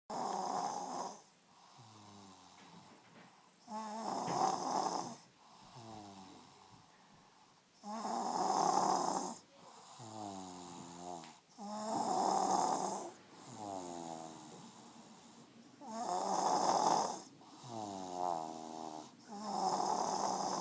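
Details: Sleeping baby snoring loudly and rhythmically, about 16 breaths a minute, with a rough, rattling tone like an old man.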